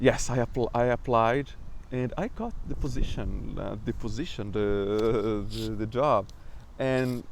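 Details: Adult man who stutters; stuttering.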